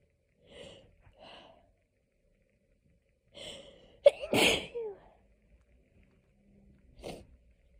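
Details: Hay fever sneezing fit, looped edit: several short inhaling catches build to a forceful sneeze, then another catch follows.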